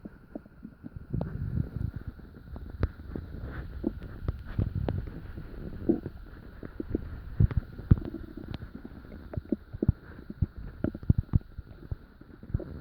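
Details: Frequent low gurgles, rumbles and clicks from an active stomach, recorded in the middle of the night while still digesting dinner; normal bowel sounds (borborygmi).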